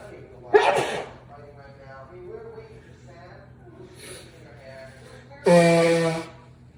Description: Snorted some pepper for some sneezes